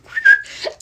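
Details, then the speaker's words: Whistling vocal tic in a person with Tourette's syndrome, tics probably present since about age 6–8, with sudden uncontrollable twitching and whistling starting in 2021: a brief, sudden whistle. "I woke up and I just started like twitching really badly and whistling uncontrollably."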